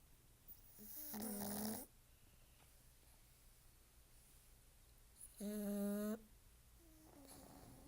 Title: Pugs Snoring